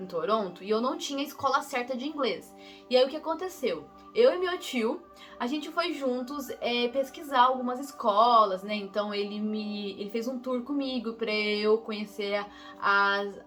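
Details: Young woman, real person who stutters, Portuguese speaker recalling an exchange trip she took at age 16; stuttering.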